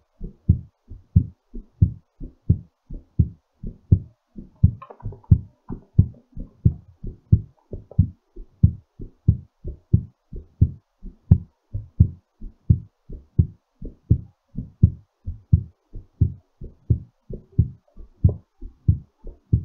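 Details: Strong, regular low heart thumps at about 88 a minute, slightly fast; a normal heartbeat recovering after exercise.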